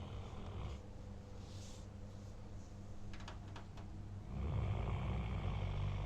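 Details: German Shepherd dog, tired after a long time outside and a full meal: low, rough, rattling breaths during sleep with steady background noise: snoring.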